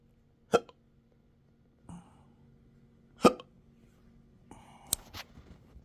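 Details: Intractable hiccups with belching, choking spasms and developing achalasia since December 2015, in 12-hour episodes now 7 days a week: sharp, abrupt gulping hiccups at irregular intervals with a softer belch-like sound between them.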